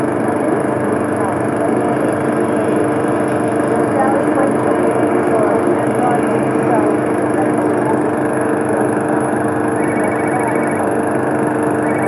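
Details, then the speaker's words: Simulation of normal hearing in heavy background noise: overlapping adult and child voices repeating sentences, plus running water, car engine, lawn mower and ringing phone; even normal-hearing listeners may find this overwhelming. "so some people with normal hearing can process this with with some effort but there are some people with normal hearing that by the time they get all this other noise it's like oh get me out of here i can't take this sound it's overwhelming to the brain"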